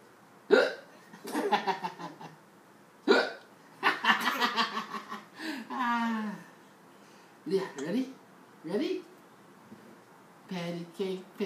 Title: Hiccups are funny!